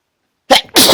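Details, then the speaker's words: Single forceful, explosive sneeze after a brief catch of breath, one of a run of strong sneezes the person says they can't stop. "Fuck. Wish I could stop. So strong."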